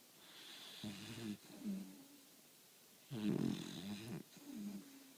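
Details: 4-month-old sleeping puppy snoring in rhythmic rattling breaths, with softer whistling exhales between the louder inhales; snoring.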